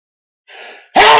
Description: Some loud, uncovered sneezes. All real, but induced and edited slightly.